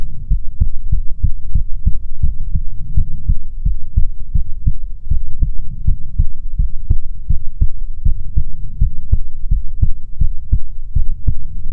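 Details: ASMR heartbeat recording: steady, regular lub-dub heartbeat with a soft low rumble behind it; normal heart rhythm.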